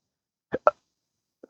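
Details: Adult with a rare, chronic, disabling hiccup and burp condition since December 2015, after surgery that left multiple nerve damage; recorded outdoors on a rooftop at sunrise. Two abrupt, short hiccups in quick succession, then a faint third.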